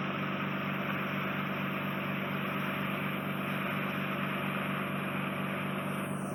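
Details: Endoscopic microsuction of soft, wet wax fully occluding and coating a woman's inflamed, scarred (tympanosclerotic) eardrum, head tilted, cautious near the eardrum: steady loud hissing roar of the suction tube throughout.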